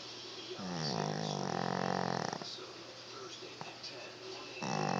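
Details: A dog snoring with a humanlike sound: loud, drawn-out, rattling breathing over steady room noise.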